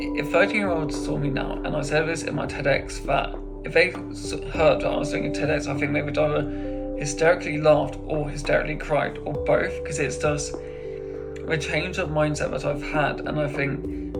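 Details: Adult man who stammers; stammering (stuttering).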